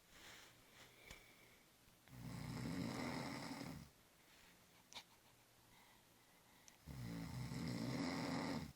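Two long, rough, rattling snores separated by quieter breathing, about 13 breaths a minute; ordinary snoring.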